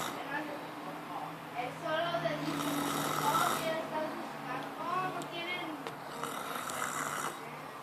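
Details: Brother sleeping with mouth open and snoring: rough fluttering snores with each breath, faint background voices; mouth-open snoring.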